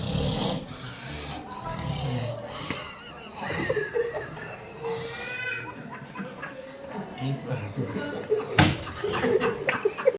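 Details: An acted comedic imitation of a man snoring in his sleep: irregular, rough, snorting breath noises with other indoor sounds.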